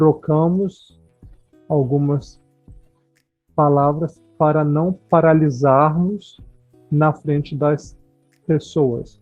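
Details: Adult speaker; no disorder.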